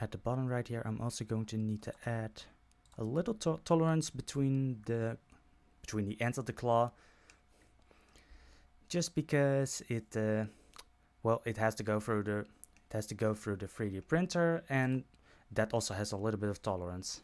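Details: Adult male who self-reports stuttering when he speaks; repeated words and phrases. Stuttering.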